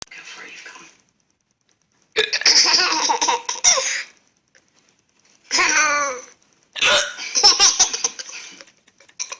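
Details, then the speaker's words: An adult woman (a mother) has hiccups while laughing: abrupt, sharp hiccup sounds break through bursts of laughter and breathy vocal noise, in clusters with short silent gaps. "Does mommy have the hiccups?"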